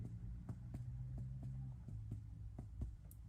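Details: Normal resonant percussion note heard during a physical assessment.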